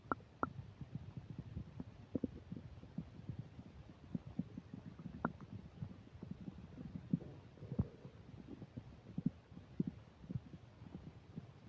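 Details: Constant low gurgling and bubbling with sharp pops over faint microphone static: active borborygmi while eating a burger and fish fries, with upset digestion.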